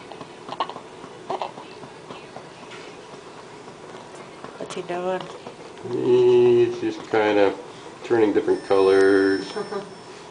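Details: Newborn baby about 12 hours old, cold and held up on a shoulder to be burped: hissy room noise, then several seconds of high-pitched, wavering infant crying in short bursts.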